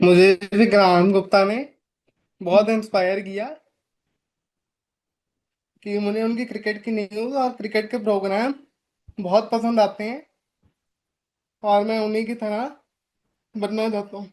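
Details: 25-year-old man with cerebral palsy, born premature with a brain clot, with body stiffness and speaking and walking difficulty treated with ongoing therapy; dysarthria.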